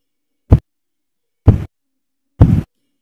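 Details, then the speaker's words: Manual blood pressure with a mercury sphygmomanometer and stethoscope as the cuff deflates at 2-4 mmHg: three soft, low thumps about 63 a minute, Korotkoff sounds between systolic and diastolic pressure. "Sound will grow first louder then will become faint And right at the level at which sound disappears.... note it. This is DBP."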